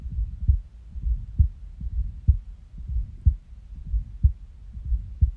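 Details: Resting heartbeat recorded after waking from a nap, with stomach growls: low, muffled beats about 60 a minute with uneven spacing and occasional skipped beats; irregular heartbeat with skips.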